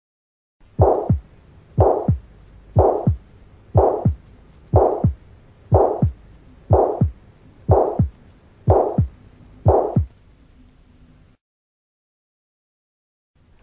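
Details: Mitral regurgitation (holosystolic murmur).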